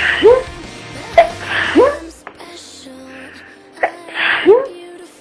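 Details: Part of a series of 31 sneezes: rising in-breaths followed by short explosive bursts, a couple of sneezes in a row, with music playing in the background.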